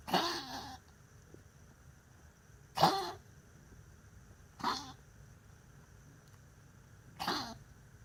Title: Bruiser coughing, Spike wants to see Doc Cari